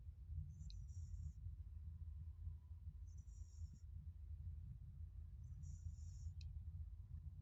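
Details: Sleeping dog, likely dreaming: thin, high whistling squeaks about every two and a half seconds over a steady low rumble: whistling snore.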